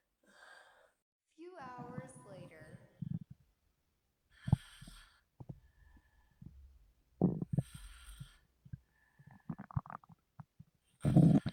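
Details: Woman whose stomach grumbles heavily: gurgling, squeaky bubbling and low rumbles from the belly, with soft breaths between, in a quiet room, stomach rumbling (borborygmi).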